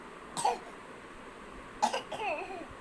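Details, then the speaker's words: A child demonstrates sneezing into a handkerchief: two short, sharp bursts of breath noise, each followed by brief voicing; sneeze. "और आपको स्नीज होगा तो कैसे करोगे? With hanky, with hanky."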